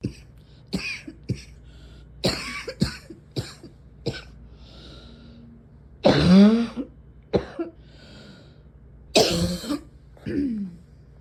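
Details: Repeated short coughs and throat clearing with a few louder harsh coughs from an adult who is still wheezy and still coughing; wheezy cough.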